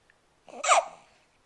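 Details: Hiccup in an 11-week-old infant while pooping: a single soft, abrupt voiced catch of breath.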